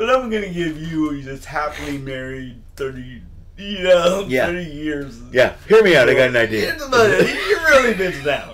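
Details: Adult male comedian with lifelong dysarthria from cerebral palsy present since birth, speaking; says he always sounds like this; dysarthria (cerebral palsy).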